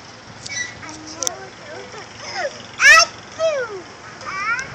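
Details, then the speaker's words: Cousins (children) on a swing: high children's voices with a sharp, noisy sneeze near the middle and faint background noise. "sneezing kids on a wheel oh that was a good one"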